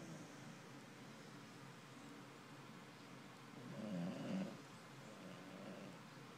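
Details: Corgi-mix rescue dog asleep: soft, low, rumbling breathing with one louder, fluttering snore near the end over quiet room noise. This is snoring.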